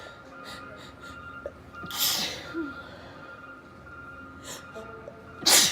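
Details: Female sneezing repeatedly all day, cause unknown; several sharp, airy sneeze bursts over a few seconds, the last loudest, with soft music behind, a sneezing fit.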